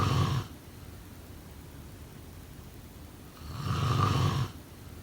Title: Snoring sound …